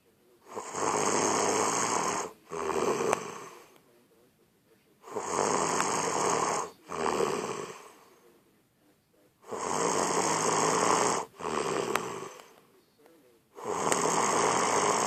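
Very loud, harsh rattling snores in paired bursts on each breath, about 15 breaths a minute, separated by quiet pauses.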